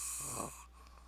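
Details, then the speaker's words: Single rattling, snorting breath through the throat, then quiet, from a man asleep sitting up, likened to Smeagol; snoring. "that snore sounds like Smeagol. Low key."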